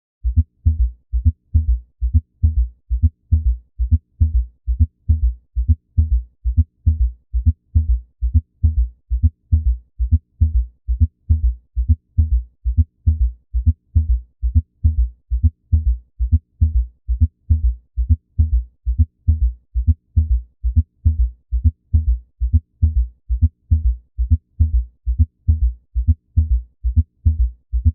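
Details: Regular low-pitched heart sounds near 67 per minute with extra soft S3 and S4 sounds together, giving a quadruple-rhythm gallop; this combination often suggests underlying pathology such as congestive heart failure.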